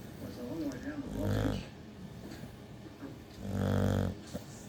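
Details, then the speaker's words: Sleeping dog snoring loudly enough to wake itself: two loud, rough, low snores a few seconds apart with quiet breathing between; snoring. "You wake yourself up snoring, mate. Hey? You're snoring like a little pig."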